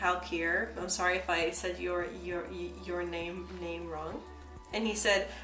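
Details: Woman who identifies as a person who stutters, heard with word repetitions; stuttering.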